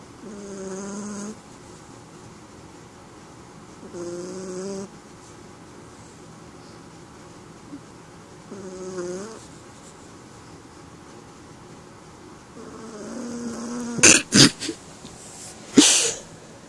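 Soft whistling snores on each breath, about 15 a minute, with a few clicks near the end.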